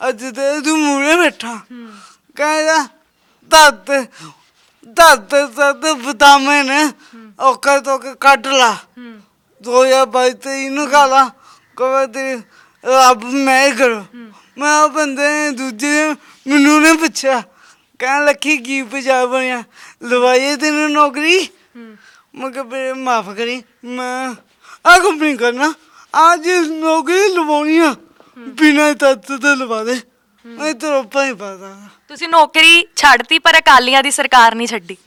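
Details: Young man with a disabled hand and a speech problem present since birth; stammering.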